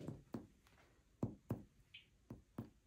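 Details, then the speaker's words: An examiner percusses a male patient's right chest and abdomen, moving down from resonant lung: five short thudding taps turn flat and dead at the liver; a dull percussion note over the liver. "So I should hear lung sounds in here. Everybody hear the difference? Right there, it's like duh, dead."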